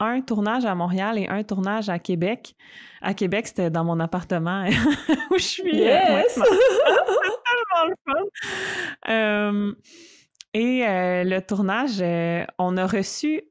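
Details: Stuttering in an adult woman who stutters, speaking conversationally in French.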